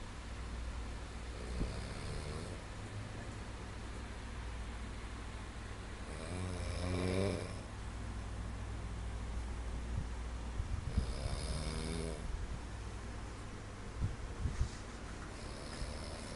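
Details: Snoring: three loud, rough, rattling snores on the in-breath, about 5 seconds apart (roughly 12 breaths a minute), over a steady low room hum.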